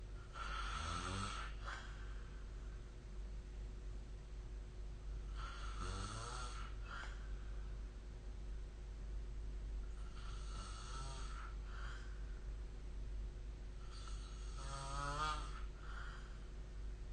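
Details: Ordinary sleep snoring recorded with the SnoreLab app: four rough, rattling snores on in-breaths, about every four seconds, over a steady low room hum.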